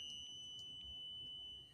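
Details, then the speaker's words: Faint, steady high-pitched electronic beeping under room noise from a type 1 diabetic woman's insulin pod, signalling it needs changing; insulin pump alarm beep. "If y'all hear that little beeping going on, it is y'all know your girl is type 1 diabetic, so that's my little pod going out."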